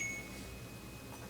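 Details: In a simulation-lab demonstration, an Alaris PC IV pump gives a brief chime-like electronic tone as it restarts after an occlusion alarm is cleared; the occlusion was caused by a closed tubing clamp.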